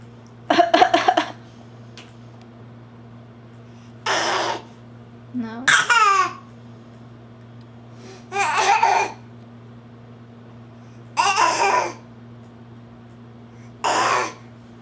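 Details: A young child makes about six short, deliberate cough-like bursts, some with voiced, laugh-like sounds between them; fake cough.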